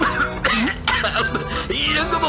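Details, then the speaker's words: Acted cough in a cough syrup advertisement: about three short coughs from an adult bus passenger, partly masked by loud background music. "இப்படி இருமக்கிட்டே இருக்காதீங்க. அப்புறம் நாங்களும் இருமலோட தான் வீட்டுக்கு போகணும்."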